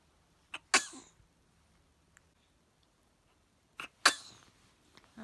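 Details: Person sneezing: two sharp, explosive sneezes, each with a short lead-in breath and a hissing release, in a quiet room, followed by repeated "Elhamdülillah."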